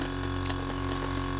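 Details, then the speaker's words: Sunset SU100 portable suction machine used by a tracheostomy patient, switched on with the suction dial at maximum and recorded close up: a steady droning motor hum with a constant whine at ordinary volume. "If I close this shut, you'll hear the machine pick up and suction harder and you'll see this gauge go up. So I think the harder it has to suction, it'll just the machine will compensate for it and give you more suction."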